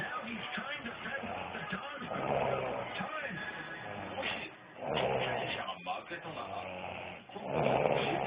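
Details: A woman who says she doesn't snore gives rough, noisy snores about every three seconds under steady television talk in the background. Ordinary snoring.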